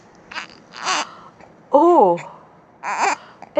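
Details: Upset infant bothered by hiccups: short fussy wails and whimpers with breathy gasps between cries.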